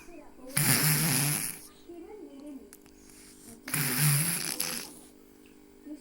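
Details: Simulated snoring: a male acting out snoring while pretending to sleep, with two loud, rough, rattling inhaled snores about three seconds apart and quiet breathing between.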